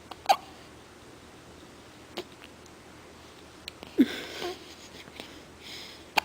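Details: Remy hiccups: short, sharp, abrupt hiccup sounds repeating at uneven intervals against quiet room noise.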